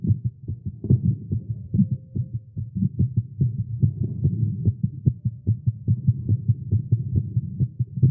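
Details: A male heartbeat recorded after exercising with caffeine, tagged as irregular and fast. There is a rapid, low thumping heartbeat at roughly 140 beats a minute with slightly uneven spacing, a fast heartbeat.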